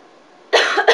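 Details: A single short, forceful cough on request after a deep breath, then a brief second burst, by a patient after an MDI-with-spacer treatment in a respiratory care checkoff demonstration; voluntary cough.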